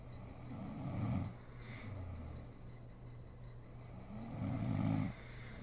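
Deep rumbling snores on breaths in, roughly 16 a minute, with soft room noise; adult snoring during sleep.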